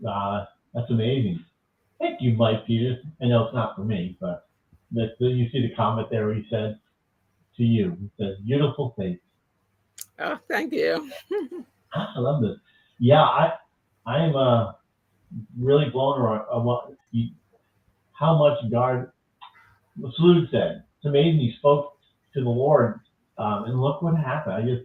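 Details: Adult speaker; speech.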